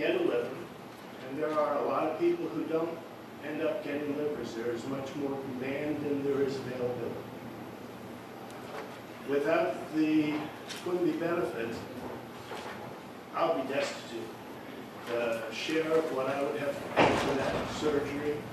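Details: Adult man speaking; normal speech.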